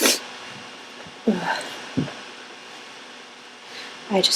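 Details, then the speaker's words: Sick adult with a congested nose, tickly all day, deliberately trying to bring on sneezes: a short sharp sneeze burst, then snorting and sniffing, then a second sneeze, over a washing machine hum. "I'm gonna sneeze. I'm sick. My nose has been tickling all day, so I'm trying to tease out some sneezes."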